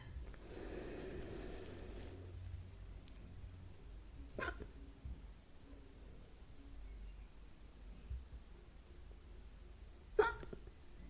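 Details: Two abrupt, sharp hiccups several seconds apart, a soft breathy sound at the start, quiet room noise; ASMR hiccup recording.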